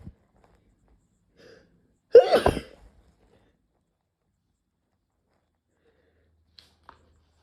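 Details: Sneeze from trying Chhinkni (nasal snuff) for the first time, in someone who rarely sneezes: a single loud, sharp sneeze in a quiet room, faint breathing before and small clicks after.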